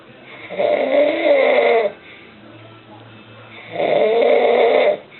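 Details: Ordinary snoring from a man (the speaker's dad): two loud rough snores on inspiration, each about a second long, with quiet breathing between.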